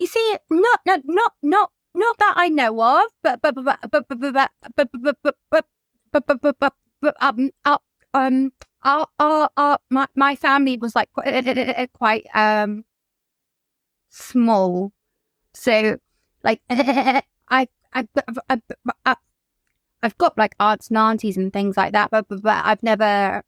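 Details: Adult woman whose childhood stammer recurred in 2019, linked to lockdown and the trauma of losing her mother to suicide; disfluent speech with repetitions and blocks; stuttering.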